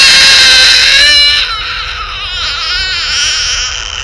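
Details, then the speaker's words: Infant pain cry as the first vaccine injection (Prevnar) is given, recorded for cry research: loud, high-pitched, strained cry that wavers and roughens as it trails off. "and here we have the cries that are emitted during the the prevnar injection when the prevnar vaccine is injected first"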